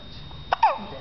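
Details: A 9-week-old baby has a bout of hiccups while trying to vocalize.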